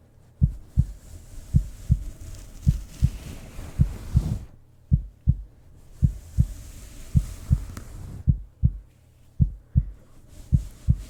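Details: Steady, slow heartbeat with paired low thumps at about 54 beats a minute over soft hiss, presented as ASMR heartbeat sounds for sleep.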